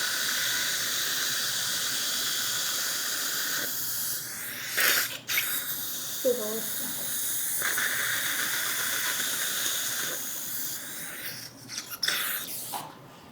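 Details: Dental drill steadily whining with short pauses and suction hiss as it drills pilot holes in a woman's anesthetized upper jaw for 10 mini implants (full upper roundhouse restoration; anterior bone 11–12 mm high, 10 mm implants posteriorly).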